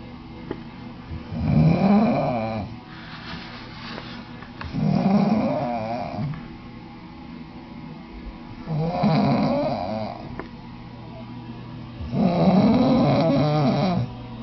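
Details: Male roommate asleep in a bed loft: loud, rattling snores on each breath in, about 17 breaths a minute, with quieter breathing out between; snoring.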